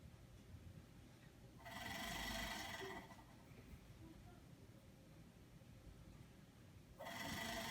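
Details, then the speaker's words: Acapella oscillating PEP device: two forceful exhalations through the mouthpiece, each giving a buzzing, whistling flutter that shows correct use; done ten times every hour while awake, with coughing and deep breathing exercises. "so you place your mouth around the mouthpiece and you breathe out and you will hear a whistling noise and then you will know that this device is being used correctly"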